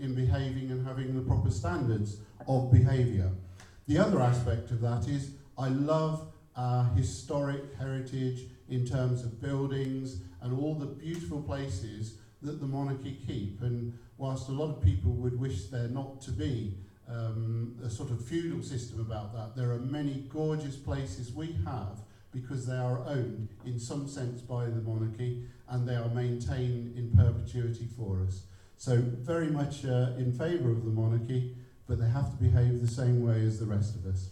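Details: Adult man; no speech disorder.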